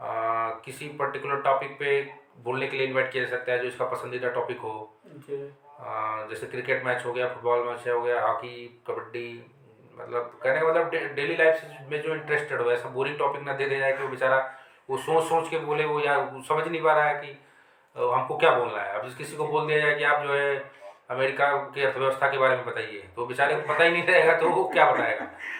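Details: Adult man speaking Hindi; typical speech.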